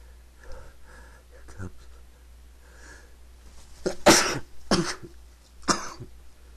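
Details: Person prompted to sneeze again; several sharp, explosive bursts of air after brief inward breaths: repeated sneezing.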